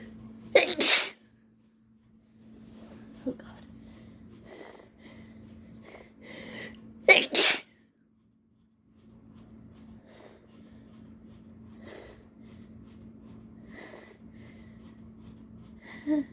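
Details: An adult with allergies whose nose tickles and burns: two forceful sneezes after build-ups, each preceded by quiet, catching breaths.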